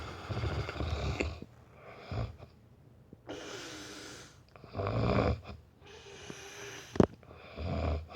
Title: does your bf snore like him?